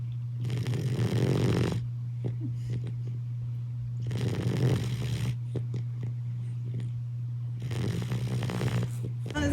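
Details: Boxer puppies napping: three slow, rough snores, each about a second long, over a steady electrical hum; a sleeping puppy snoring.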